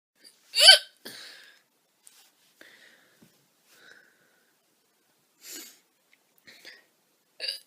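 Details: Girl with loud hiccups (singultus).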